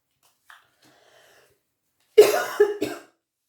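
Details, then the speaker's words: An adult woman gives a short run of three harsh coughs in quick succession after a faint breath in a quiet room while speaking to camera; an ordinary cough. "Je sais que quand on écoute les vidéos et que la personne tousse en face, c'est vraiment pas agréable au niveau des oreilles, au niveau des tympans."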